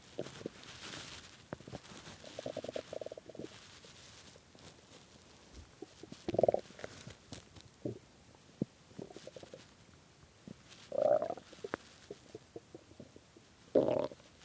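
Quiet, irregular gurgles and squeaky rumbles with a few louder bursts. Hunger-related stomach growling, a normal bowel sound.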